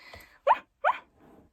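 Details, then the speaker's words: Two brief, sharp squeaky vocal noises in quick succession, a vocal tic in a person with daily tics that have become less pronounced, occurring while talking. "which now i'm talking about ticks so obviously it's i'm having ticks but you know i i do still have ticks throughout the day um every day it's just not as pronounced"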